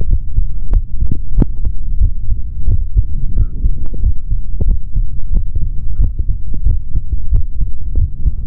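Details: Male body sounds recorded through a stethoscope for ASMR, no talking: muffled, dull thumping heartbeat under a steady low hum and rubbing noise; normal heart sounds.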